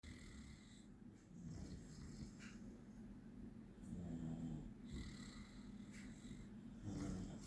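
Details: 16-week-old puppy snoring loudly while asleep beside another dog: low, rumbling snores rising and falling with each breath, a few louder snorts; ordinary snoring.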